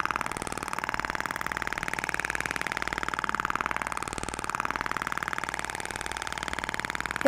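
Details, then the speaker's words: Steady rapid clicking pulses, about two per second, with mechanical buzz and faint room noise from a radial shock wave therapy applicator moved slowly back and forth along the face below the zygomatic bone: applicator firing. "então eu vou posicionar o aplicador vou iniciar os disparos e faça o movimento de vai e vem lento"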